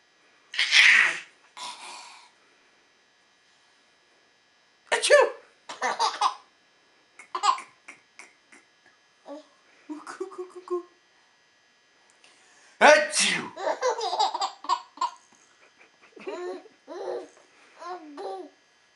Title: Baby laughing at Daddy sneezing